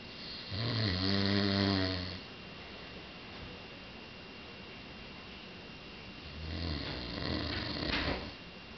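Two loud, rough, buzzing snores on breathing in, separated by several seconds of quiet breathing, with a steady hum in the room.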